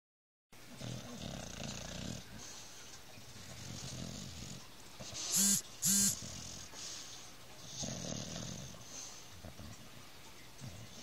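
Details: Sleeping dog dreaming while snoring: soft, irregular snores broken midway by two short high whimpers.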